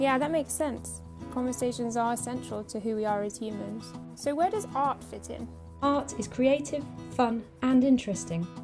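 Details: Adult woman speaking; normal fluent speech.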